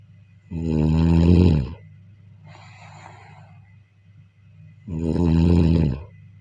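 Two loud, low, rattling snores on inhaling, separated by a quieter breath out; ordinary snoring.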